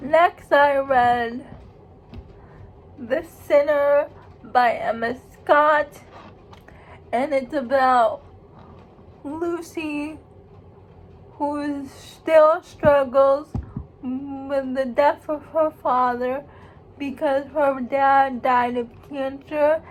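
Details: Female speaker who states she has cerebral palsy, real condition; dysarthric speech in cerebral palsy.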